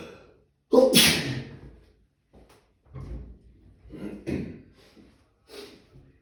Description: Nice and warm weather = Allergies and Sneezing